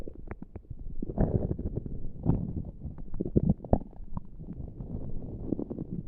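Low gurgling rumbles with bubbly pops and squelches come continuously from the abdomen, occurring on their own without pressure: active bowel sounds, ordinary stomach rumbling.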